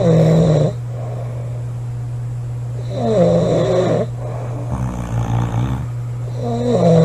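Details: Two girls snoring hard: loud, rough snores on both breaths in and out, about 19 a minute, over a steady low room hum; snoring.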